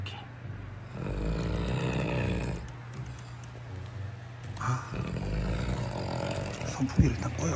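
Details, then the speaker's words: Heavy, loud, harsh rattling snoring on each breath from a sleeping adult man (older brother) with severe habitual snoring, recorded before trying an anti-snoring nasal spray; some room noise. "현재형 코고리가 굉장히 심해요. 네. 지금도 저거 봐. 코골자가."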